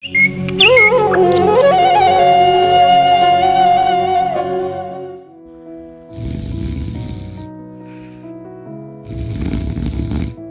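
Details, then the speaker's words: Loud rasping snoring in a person with a snoring problem for the past year to year and a half; deviated nasal septum suggested as a possible cause. Two snores follow a music opening, with background music. "अरे यार इतना खराटे क्यों ले रहे हो अबे कुछ नहीं मुझे ना पिछले एक डेढ़ साल से प्रॉब्लम चल रही है"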